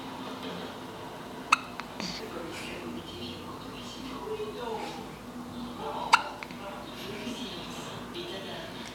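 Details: Three-day-old newborn baby hiccuping: two sharp, brief hiccup clicks about five seconds apart over quiet room noise; newborn hiccups.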